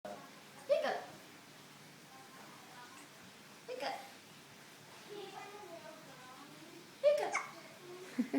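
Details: Hiccups in a baby girl: three short, abrupt hiccups a few seconds apart, with soft baby vocal sounds between them.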